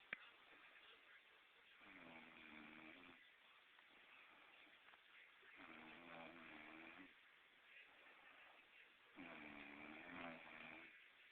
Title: I don't snore